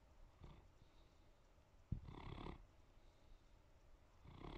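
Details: Great Pyrenees (Pyrenäenberghund) female dog Ivy lying on the couch in the evening, fallen asleep; soft, quiet snoring, deep low rumbling breaths recurring every couple of seconds against room noise.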